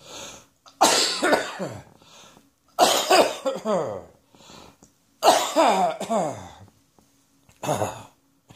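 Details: Four bouts of dry, harsh adult coughing a few seconds apart; allergic cough from spring allergies.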